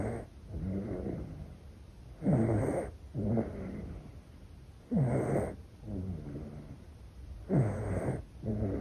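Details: Regular soft snoring breaths, roughly 23 a minute, each with a rattling edge, from a baby in deep sleep; infant snoring.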